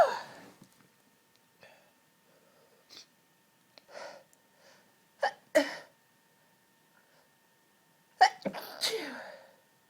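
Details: A run of several sharp, explosive sneezes with brief gasping in-breaths between them, a sneezing fit.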